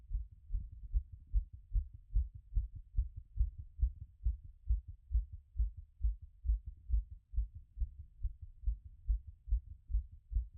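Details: Own heart auscultated after a workout; rate peaked around 180 and was settling: fast, regular, strong paired heartbeats at about 140 a minute.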